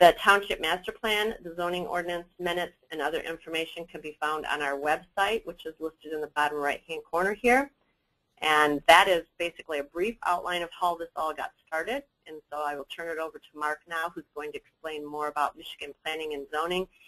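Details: Adult speaker; normal voice.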